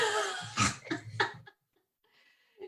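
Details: Cough from an adult with suspected seasonal allergies, taking temperature to rule out COVID, voice affected.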